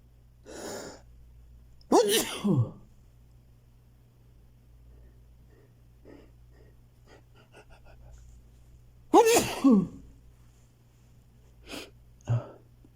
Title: I really need to sneeze a lot